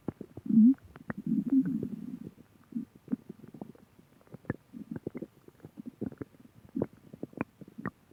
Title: Stomach growling